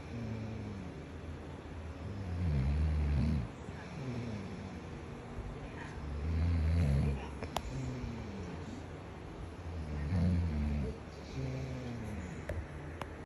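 Loud, low, rattling snores with each breath, about 16 breaths a minute, with quieter breathing sounds between them.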